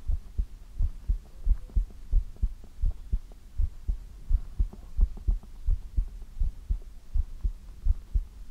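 Steady low double thumps of a heartbeat, about 86 beats a minute, with a soft background hum; an ordinary resting heartbeat.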